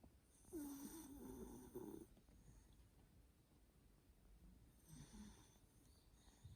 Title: (Black) Doggy snoring